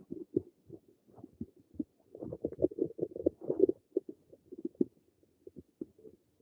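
Irregular bubbling and gurgling abdominal sounds in quick bursts; ordinary stomach rumbling from gut movement.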